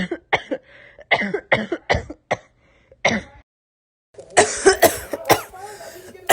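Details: A girl coughing, from a compilation of 27 cough snippets.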